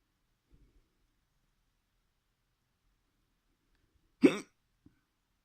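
One sharp, abrupt hiccup sound in near silence, with faint small sounds before and after.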